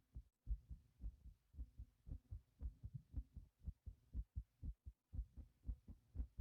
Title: Heart pumping after lifting a heavy object #heartbeat #heartsounds